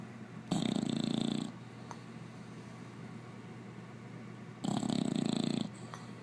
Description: OscarTheBulldog in deep sleep snoring & farting...